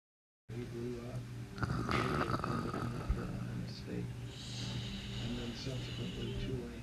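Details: Snoring during sleep: low, rough snoring breaths with soft snorts, partly masked by a steady background hum.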